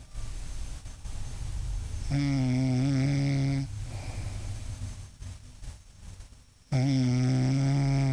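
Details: Adult mother snoring while asleep: two loud, rough, buzzing snores on the in-breath, separated by a quieter out-breath, in a quiet room; ordinary loud snoring.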